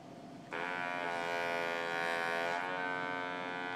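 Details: Steady mechanical buzz from a TruTone electrolarynx, an assistive device used as a substitute voice source for people who have trouble speaking: electrolarynx buzz.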